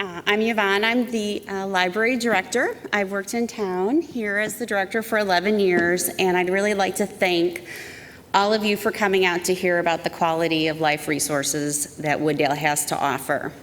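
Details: Adult woman speaking; Normal voice.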